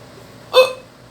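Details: One abrupt, short, voiced gulp in a quiet room: a single hiccup.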